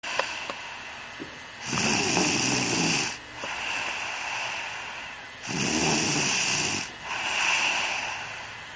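Loud, rough snores on each breath, about three in nine seconds, with quieter breathing between: ordinary snoring.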